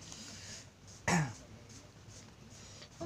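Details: Young girl with cough, runny nose and flu attributed to a chill, having her back scraped (kerokan); a single short, harsh cough in a quiet room.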